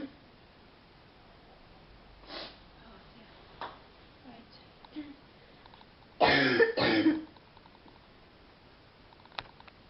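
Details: Girl on a phone call, under the weather, with a sore throat: quiet room with faint throat sounds, then two loud, deep chesty coughs in quick succession; real, not acted.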